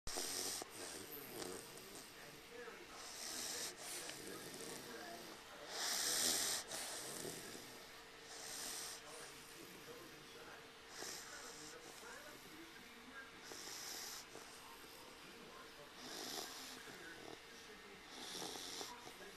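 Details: Bordeaux puppy napping on a lap: quiet, wheezy, snuffling breaths repeating, mostly hissy and airy rather than deep rumbling; snoring.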